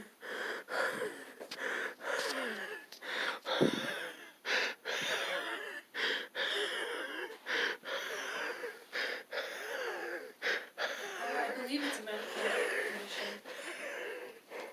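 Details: Rapid, labored breathing with noisy, wheezy whistling on each breath during a severe asthma attack in a patient who was choking and coughing up blood before EMS arrived.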